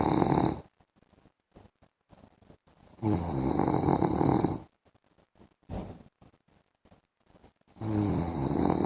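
Loud, harsh snores, one long and others brief, with silent gaps and soft breathing sounds between; snoring during sleep.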